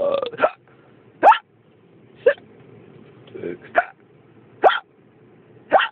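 Six short voiced hiccup sounds at roughly one per second, with quiet room noise between them.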